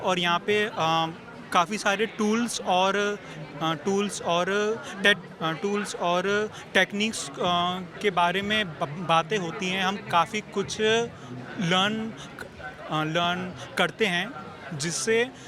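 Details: Adult man who stammers, a stammering-association member taking part in its weekend training, who says stammering is not cured and he still stammers; word repetitions heard; stuttering (stammering).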